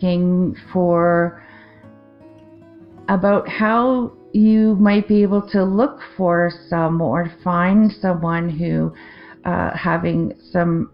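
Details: Adult woman with aphasia after a 2023 stroke affecting the left-brain language centre, with word-finding difficulty, confusion with words and difficulty forming sentences; non-fluent aphasia.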